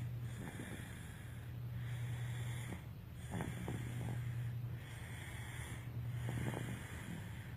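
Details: Snoring during sleep: low, rumbling snores repeating about every two seconds, roughly 30 a minute, with soft snorting noises in between; recorded 21 March 2017.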